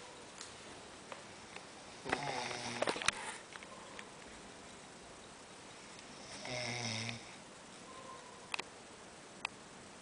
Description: the snore machine at work :)